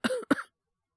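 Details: Two short voiced coughs in quick succession, then silence. A brief residual cough from a male voice performer recovering in the morning, about two weeks after influenza progressed to bronchitis.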